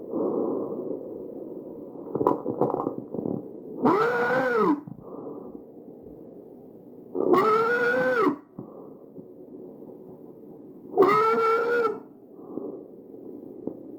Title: Visualized_Tracheal_Stridor